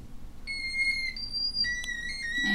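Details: Hearing aid feedback whistle from a shifting high-pitched whistling as the aid is turned up outside the ear after battery insertion, a check that it is switched on and working, in an audiology lab.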